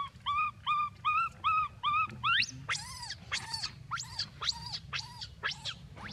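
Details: Rapid, high-pitched repeated squealing calls, about 150 a minute, over outdoor background noise, from a baby monkey in Cambodia; distress crying.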